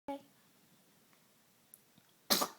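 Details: Baby, one sharp, explosive sneeze after a brief quiet stretch; sneezing.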